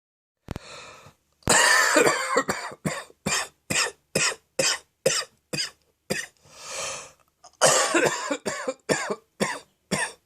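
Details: Adult's prolonged morning fit of deep, throaty coughs in two long runs, attributed to throat phlegm and acid reflux; a productive, wet cough.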